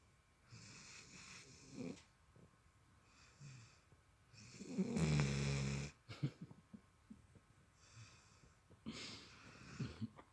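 Repeated snorting breath sounds, with one loud, deep, rattling snore in the middle: a dog snoring heavily.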